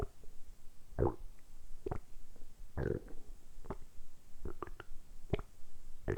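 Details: Stomach rumbling (borborygmi): repeated low gurgles and rumbles from the belly, recorded close up, deliberately produced during about ten minutes of continuous rumbling for an ASMR recording; ordinary bowel sounds.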